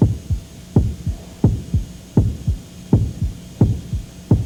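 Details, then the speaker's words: Simulated pulsatile tinnitus, a heartbeat-like sound: rhythmic low thumping at about 88 per minute, imitating what some tinnitus sufferers hear constantly. "imagine-se o tempo todo ouvindo isso depois tem o barulho de coração essa"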